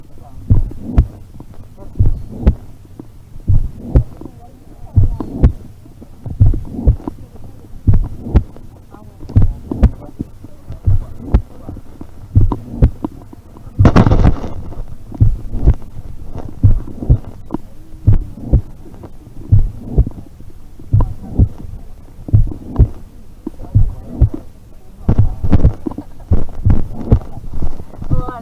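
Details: Slow, deep heartbeats with a low whooshing sound filling the gaps: heart murmur in a Colombian Criollo horse.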